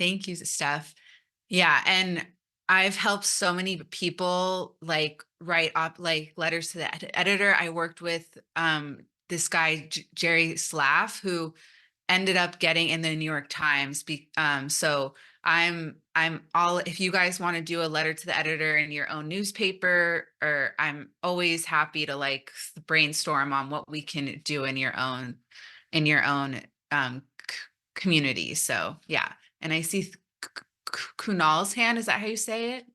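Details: Stuttering in an adult woman who says she came out as a person who stutters almost three years ago after 29 years of denial.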